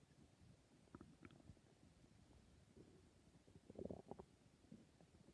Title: My stomach growling